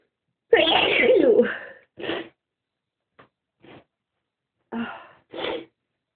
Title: Itchy sneezes!